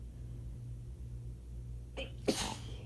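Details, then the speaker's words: Short indrawn breath then one sharp sneeze over a steady low air-conditioner hum, from a woman sitting in a towel during a sneezing fit triggered by shower water up her nose. "And so now I'm just sitting here in a towel. Sneezing my head off."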